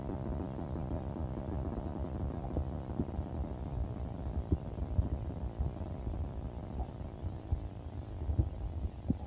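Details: Low continuous rumbling with scattered soft pops and gurgles, ordinary stomach growling (borborygmi), with a heartbeat.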